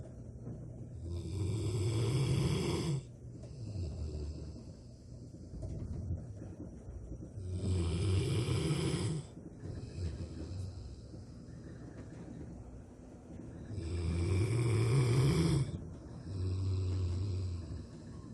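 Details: Rottweiler, a large dog, sleeping during the day, described as snoring louder than a human; each inhalation a deep rattling snore, about nine breaths a minute, quieter exhalations; snoring.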